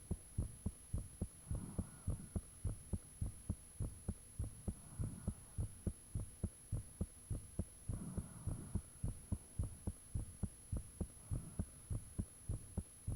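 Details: Own heartbeat recorded with the fan off, shortly after the heart began feeling really thumpy: strong, steady low thumps about 105/min, faint whooshing between some beats said to be blood rushing, steady background hum; heart sounds.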